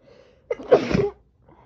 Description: Muffling my loud sneezes by pressing my face into a towel.